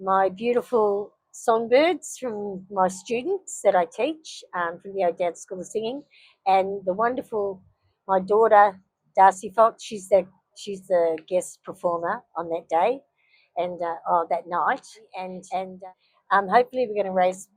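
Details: Aphasia in a grandmother after a stroke on 22 August 2023, with word-finding difficulty, stumbling and wrong words that vary from day to day.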